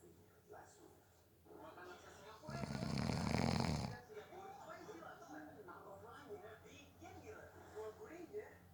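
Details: Snoring during a nap, from someone said to have fallen asleep within 30 seconds: one loud, rough, rattling snore on an in-breath, with quieter breathing and faint background noise around it.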